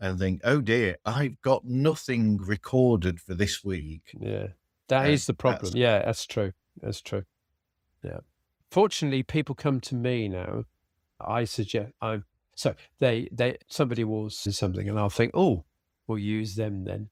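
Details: Man with aphasia after a sudden stroke, treated with speech and language therapy; aphasia.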